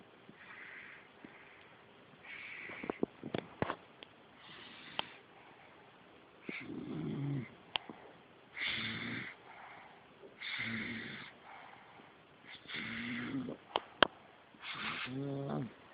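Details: Sick individual asleep: repeated rough, rumbling breath sounds every couple of seconds, with occasional sharp clicks in the room; snoring.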